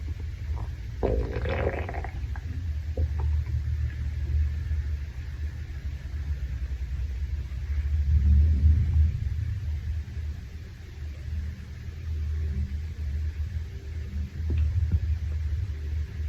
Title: Male stomach growl after Shower